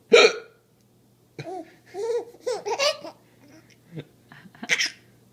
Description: My 4 month old thinks her dad's hiccups are hilarious.